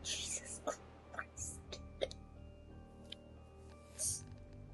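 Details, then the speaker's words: Streamer speaking while hiccupping: brief, abrupt hiccup sounds recur between quiet speech, music in background; ordinary hiccups. "if I could stop having hiccups that would be great"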